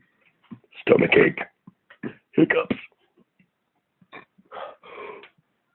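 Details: Several loud, deliberate belches in a row, low and rumbling, from a person drinking beer during a belching session, recorded on a phone microphone in a quiet room; belching.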